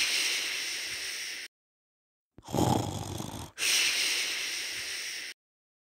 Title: Snore, Snoring,Snort, Snore Sound, Snore Sounds, Snoring Sound, Snoring Sounds, Snore sound Effect 😌